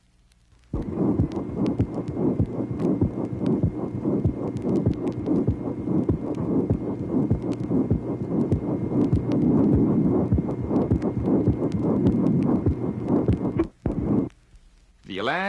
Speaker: tracing number 25 pericardial friction rub this friction rub which has a particular scratching quality is heard during both systole and diastole